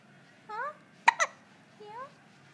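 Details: Newborn hiccups while being bounced: two sharp hiccup bursts close together between soft infant coos in a quiet room, sounding louder than a newborn's hiccups should.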